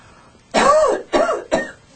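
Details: Staged coughs by random subjects in a demonstration of cough etiquette: three deliberate, acted coughs, the first longer and more throaty, then two shorter ones.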